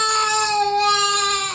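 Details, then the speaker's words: A sustained, high-pitched, steady tonal wail from a young child, a crying baby in the morning; crying. "this is Daddy who just woke up because of a crying baby let's take a look at the crying baby"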